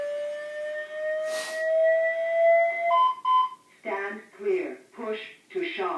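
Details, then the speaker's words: Training AED in a hands-only CPR/AED demonstration: after the analyze button is pressed, a rising charging tone and alert beeps play, then a spoken machine prompt advises a shock and to stand clear before delivery. AED shock advised prompt. "push this analyze button the yellow button on this machine and the machine is going to take over it's going to tell me it's not my doing soup yarns damn time yeah we're standing clear the machines doing its job is going to look to see what rather than donation losers no it's charging up because the patient gets a shot"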